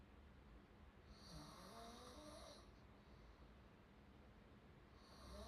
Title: part-2 #shorts #snoring #openmouthsounds